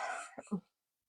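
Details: Woman sick during Christmas week with a sore throat: a brief breathy exhale, then a short two-part throat clearing.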